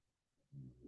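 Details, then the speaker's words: A dog snoring in the background while a woman talks: near-silence, then a brief low rumbling breath sound, a dog's snore. "when you're my dog is snoring if you can hear it"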